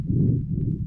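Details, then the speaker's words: Child with an upper respiratory infection and no lung pathology: increased respiratory rate, low coarse rumbling harsh breath sounds with occasional rhonchi heard through a stethoscope. "Los médicos comúnmente se encuentran con un niño que tiene una infección respiratoria alta causante de un aumento de la frecuencia irroncantes ocasionales, así como ruido respiratorio rudo sin patología pulmonar."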